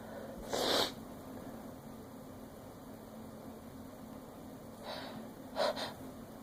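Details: Two sharp, explosive sneezes separated by a few seconds of quiet, against a steady background hum.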